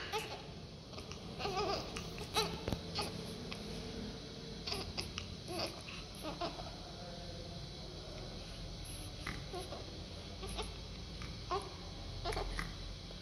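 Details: Newborn baby, the mother's first, going into a deep cry: repeated short crying bursts over room noise; ordinary infant cry.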